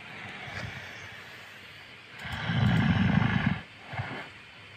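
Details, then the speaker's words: One loud, rough, rattling breath over a second, then a softer one, against room noise, from an exhausted man deeply asleep; snoring. "Když on je vlastně jakoby úplně vypnutý a on byl strašně unavený, takže on fakt nebude nic vnímat. Slyšíte to, jak chrápe?"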